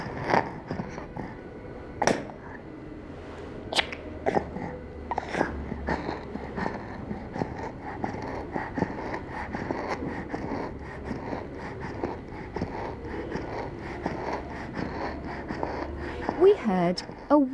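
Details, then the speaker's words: Child assessed for stridor: noisy breathing with a faint whistling sound on breathing out, an expiratory wheeze and not stridor, which is a harsh sound on breathing in. "therefore we decided that hassan did not have stridor stridor is a harsh sound on breathing in this child has wheeze when breathing out"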